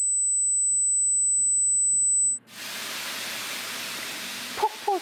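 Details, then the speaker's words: Simulated sensorineural tinnitus from hearing loss, subjective tinnitus heard only by the patient: a steady high-pitched whine giving way to a rushing, waterfall-like hiss. "폭포소리 거센 바람소리 매미 소리 이와 같이 난청으로 인해 생기는 감각 신경성 이명의 소리는 다양하게 나타나며 환자 본인만 느끼고들을 수 있어 적 이명이라고 합니다"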